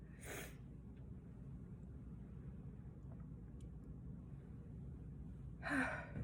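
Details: Two sharp, explosive sneeze bursts several seconds apart over a low, steady background rumble: sneezing.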